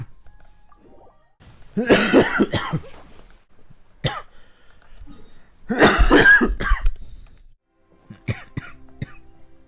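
Two bursts of several harsh, throaty coughs with throat clearing, separated by quiet gaps; faint music in the background.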